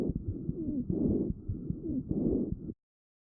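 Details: Child's lungs via StethoMe electronic stethoscope, AI-classified wheezes: squeaky, whistling musical continuous tones riding on the breaths, sign of obstruction.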